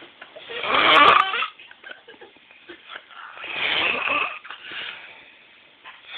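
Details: Person snoring: loud, harsh snores about three seconds apart with a rattling, gurgling quality.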